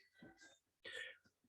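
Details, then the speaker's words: Adult on the west coast, recently recovered from COVID, gives two short, rough cough bursts close to throat clearing, then a faint trailing sound: lingering post-COVID cough. "forgive me if you hear a cough throughout the video um i just got over i had coveted so i still have that lovely kobe cough lingering around"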